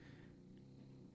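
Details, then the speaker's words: Loud, steady, low rattling grinding, like a jackhammer, from a pet curled up asleep on his bed, from the nose or throat; snoring. "I don't know what the is grinding that whatever it is it's hardcore and of its inside his nose it's in his throat but he sounds like a jackhammer back here"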